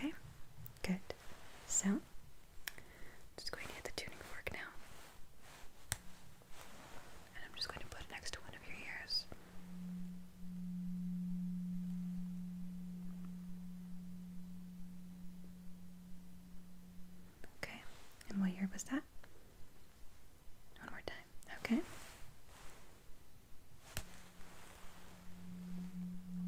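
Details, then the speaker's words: Simulated ASMR roleplay hearing test: a struck tuning fork held next to one ear gives a steady, pure low hum that slowly fades, between soft whispered words. "So, close your eyes. I'm going to hit the tuning fork. I'm going to put it next to one ear."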